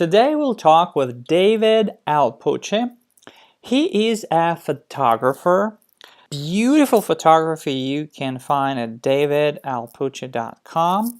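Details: Adult male speaker; typical speech.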